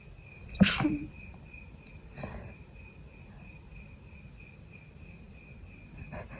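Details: Person still sick, no longer feverish, with a persistent nose tickle: one sharp sneeze, then two smaller muffled stifled sneezes, with steady insect chirping in the background.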